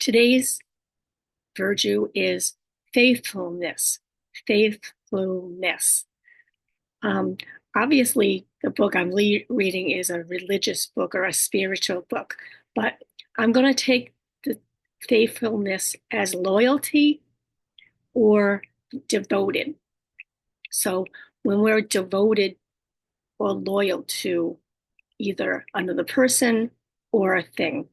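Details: Woman with aphasia, apraxia of speech and dysarthria after a stroke, whose communication she says can sometimes be hard to understand; aphasia with apraxia of speech and dysarthria.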